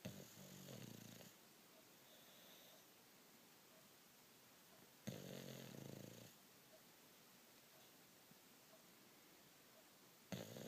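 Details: Bulldog sleeping soundly, snoring: rough, rattling snores about every five seconds, roughly twelve a minute, with quiet breathing between.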